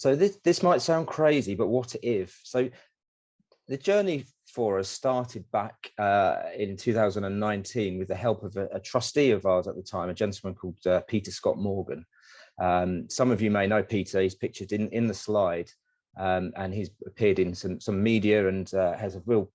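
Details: Adult male speaker; normal speech.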